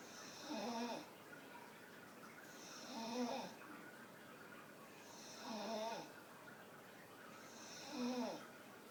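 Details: Staffordshire bull terrier snoring while sitting with eyes wide open: regular rattling, snorty snoring breaths, about 24 a minute.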